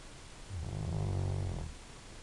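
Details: Silver Labrador dog snoring while asleep; a single low, rumbling snore on one breath in, with quiet room noise around it. Snoring.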